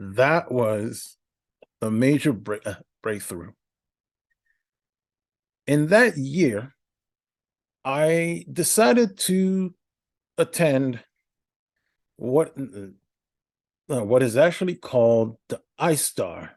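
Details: Adult male podcast host with a speech impediment for about a decade, in therapy for stuttering; stuttering with many filler words, odd verbal interruptions and repetitions.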